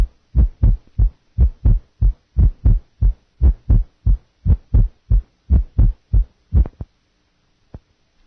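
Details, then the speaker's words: Simulated heart beating about 60 a minute with a late diastolic murmur added just before each first heart sound. "listen now to a heart beating 60 times per minute then a murmur will be added in the diastolic period early mid late and pan diastolic"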